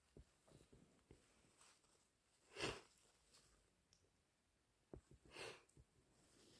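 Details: Induced allergy sneezes: two sharp, hissing sneeze bursts a few seconds apart among small sniffs and clicks.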